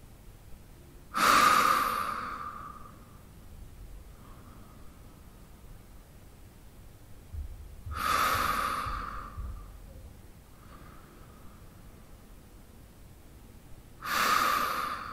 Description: The sound of a man breathing during sleep.